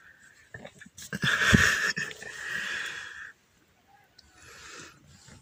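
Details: Loud noisy breathing with a raspy, faintly whistling rattle on each breath from Shakirah, a sleeping cat; one long breath then quieter ones, with laughter, recorded on a Samsung Galaxy A10s phone; snoring.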